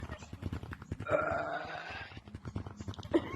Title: Burping contest